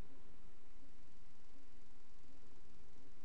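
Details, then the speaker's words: Pulmonary stenosis, possibly congenital: very intense harsh mid-systolic diamond-shaped ejection murmur with a metallic tinge, heard at the pulmonary focus. "soplo este tiene un tinte como metálico Sí muy intenso es una estenosis pulmonar puede ser estenosis pulmonar congénita"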